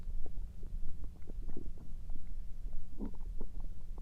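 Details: Overnight stomach noises: low gurgling and rumbling with scattered bubbling pops; typical bowel sounds (borborygmi).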